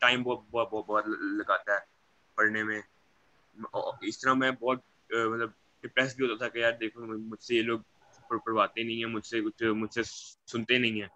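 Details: Young man who stammers, speaking in Hindi/Urdu; stuttering with word repetitions.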